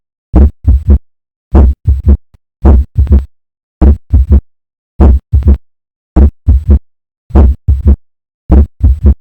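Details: Early diastolic murmur: slow, regular heart sounds near 52 a minute with an added soft sound right after the second sound.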